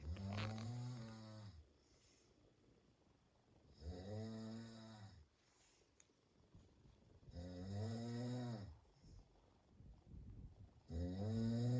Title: Husband snoring at DALCHOKI😪😪